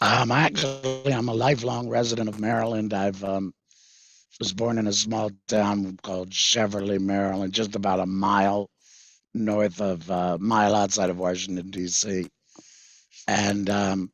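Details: Tracheoesophageal speech with a voice prosthesis in a 66-year-old man after total laryngectomy in February 2019 for vocal cord cancer, preceded by months of hoarseness. He received the prosthesis in September 2019 and earlier used a whiteboard and an electrolarynx.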